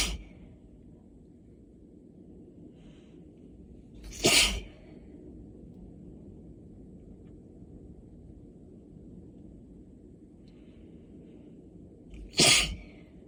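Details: Two forceful sneezes several seconds apart over a low room hum, attributed to intensifying allergies; sneezing.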